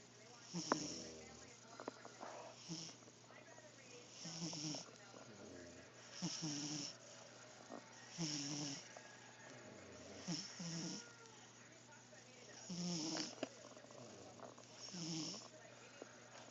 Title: Oscar the Cat snoring (Original)